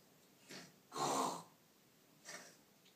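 Three rough, noisy breath sounds, the middle one longest and loudest, fitting snoring or snorting in sleep.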